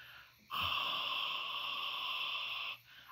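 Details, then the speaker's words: Steady airy rushing hiss of about two seconds: CPAP air pumped through the nose escaping out an open mouth, a mouth leak in an adult with sleep apnea. "you got to keep your mouth closed because if your mouth is open the air goes through your nose and comes out your mouth it's"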